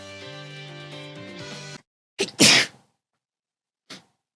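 Music, then two quick sneezes in a row and a smaller third one. Sneezing.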